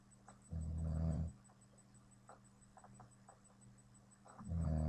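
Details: A sleeping adult man snoring loudly: two low, rattling snores about four seconds apart, with quiet breathing between and a steady electrical hum in the room.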